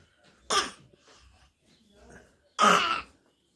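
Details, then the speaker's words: Young child with a cough, asked to cough once more, gives two abrupt, harsh coughs a couple of seconds apart, faint murmuring between, in a quiet room; cough. "अच्छा बताओ खांसी तो मैं आती कैसे एक बार और खास के"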